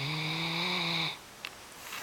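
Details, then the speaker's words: A single long, steady, rattling snore-like breath lasting about a second from a Great Dane who is wide awake, then quiet room noise. Snoring while awake. "Interesting. Wide awake. Wide awake and still snoring."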